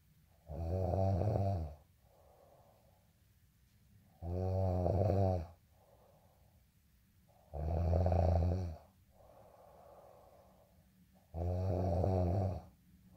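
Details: Snoring: loud, rattling snores on each in-breath with quieter out-breaths between, about 16 breaths per minute.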